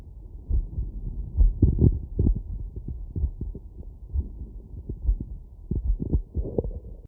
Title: Heartbeat auscultation stethoscope heart sounds - 20-1000 After workload